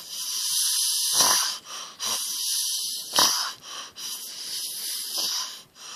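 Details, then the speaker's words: College-student man asleep in the living room: loud, rough, whistling snores with each breath, about 30 a minute, over steady background hiss; snoring. "what you just witnessed was trey a church member of the holly family snoring in the living room"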